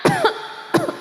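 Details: Adult preacher giving an Islamic sermon makes two short, deliberate cough bursts on purpose, as a joking code signal asking for iced tea rather than from illness: voluntary cough.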